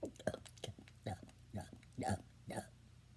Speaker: 7 in 3 seconds. Oh my gosh, I keep messing up. 6. 7. Okay, so I got 7.